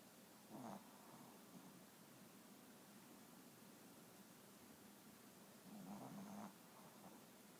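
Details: Lucy snoring: two soft, low rattling breaths several seconds apart over quiet room noise.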